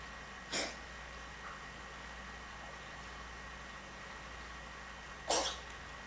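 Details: Two short, sharp coughs several seconds apart over a quiet room from a small pet that is unwell; cough.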